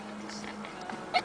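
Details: A quiet room with a low steady hum, ending in one brief, sharp sneeze from Ernie, a cat. Finding: sneeze.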